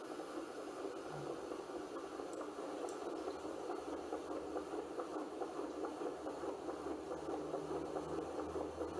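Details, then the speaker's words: Baby's heartbeat in pregnancy, picked up on an Angel Sounds home fetal Doppler and replayed from a recording: fast, rhythmic whooshing pulses through steady hiss, about 140 a minute. "veja também rapidinho o vídeo que bonitinho é bem rapidinho não os batimentos do coração do bebê"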